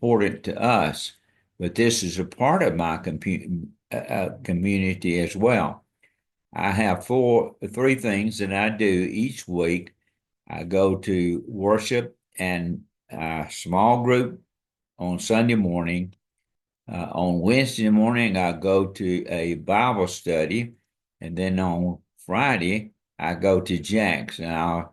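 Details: Dysarthria in an adult man, a retired pastor, with ALS diagnosed February 2024, after earlier diagnoses of Parkinsonism, Parkinson's disease, spastic paraplegia and primary lateral sclerosis; his speech and walking are failing, and hand use is limited.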